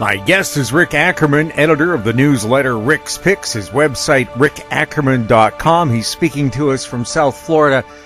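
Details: Adult male speaker; normal voice.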